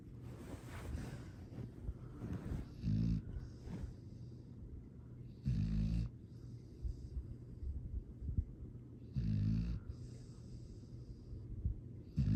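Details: Sleeping foster rescue dog (Astrid) snoring, recorded December 13, 2022: three slow, regular, low rumbling snores over about twelve seconds, with room noise between them.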